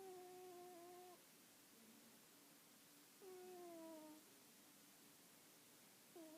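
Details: Sleeping pet cat snoring: quiet, whistling, slightly falling tone on each breath, about 20 a minute; ordinary snoring.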